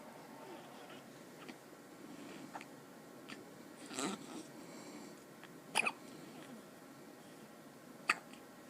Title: Thumb sucking hiccups